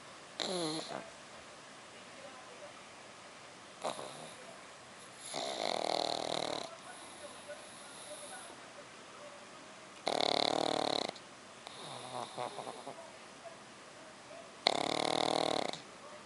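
Loud, harsh snorting snores on each breath, with quieter noisy breaths between them: heavy snoring in a flat-faced dog.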